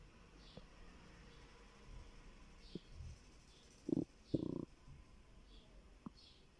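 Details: Stomach growling from hunger in a person who says they were starving: soft gurgles and two brief louder rumbles against a quiet background.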